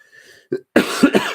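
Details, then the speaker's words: Adult with COVID-19 (corona, again) sniffing and coughing. "So he came back to listen to me sniff and cough."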